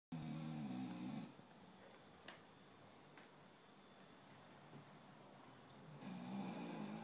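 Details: Loud rumbling snores from a dog sleeping on a sofa, two snores with a quiet pause between, loud enough to be heard across the house.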